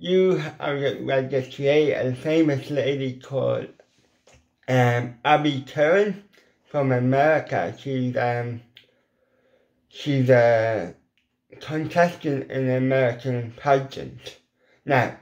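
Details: Adult man with ataxic cerebral palsy whose lip muscles are weak and cannot form the shapes needed for certain letters, a lifelong speech impediment: dysarthria (cerebral palsy)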